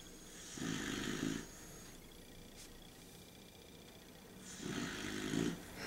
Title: The Snoring Dog